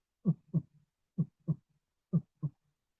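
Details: Normal first and second heart sounds, three evenly spaced lub-dub pairs at about 63 a minute, played as the normal comparison for S3 and S4 gallops in a cardiology teaching clip.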